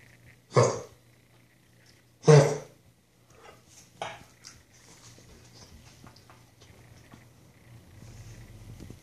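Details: A dog gives two loud, harsh coughs and then two softer ones against a low room hum; dog cough.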